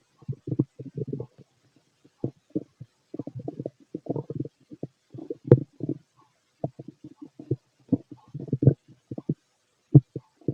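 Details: Fit adult male's abdomen heard through a stethoscope: irregular bubbling gurgles and rumbles in bursts, some loud and some faint; active normal bowel sounds, stomach growling.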